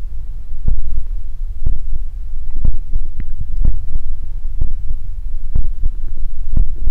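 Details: Close-miked stomach growling recorded for body ASMR: low gurgling and rumbling thumps over a steady hum, gas and fluid moving through the gut (borborygmi).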